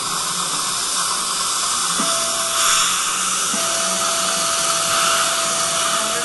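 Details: Implant drill preparing the bone site for an immediate Zimmer tapered screw-vent implant after extraction of tooth number nine (failing endo or fracture), under a microscope: a steady high-pitched whine with hissing water spray.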